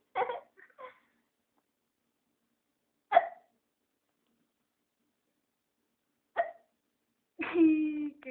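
Sharp, brief hiccup sounds at spaced intervals, with a short voiced sound at the end; ordinary hiccups.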